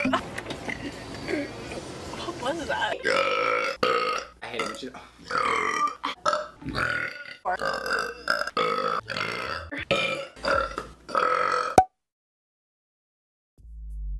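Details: A woman burping: long, drawn-out voiced belches, some shaped into word-like sounds, repeated in quick succession, ending in silence.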